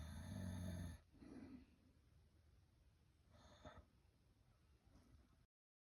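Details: Very loud snoring: one loud, low, rumbling snore, then faint breathing and a softer snort in a quiet room.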